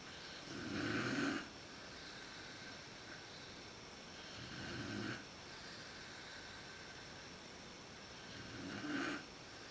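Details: Mother's snoring at sleep onset, when it is worst, recorded in a dark room with a Canon PowerShot SX130 IS: three rough, rattling inspiratory snores, about 18 breaths a minute.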